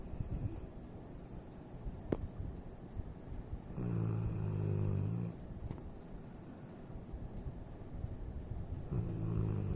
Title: Porky the content dog on how to properly snore!